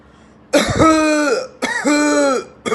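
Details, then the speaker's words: Two drawn-out, harsh, voiced coughs with a prolonged, slightly musical expiratory tail, demonstrating the cough of a COPD patient, due to expiratory airflow obstruction; prolonged expiratory cough. "so that's the kind of cuff that uh COPD patient will be producing and that's because there's an obstruction to the air flow in the expiratory phase right"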